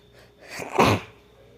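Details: Simulated sneeze by a female acting out a role-play of being sick and cared for: a quick indrawn breath, then a single sharp explosive burst through the nose and mouth.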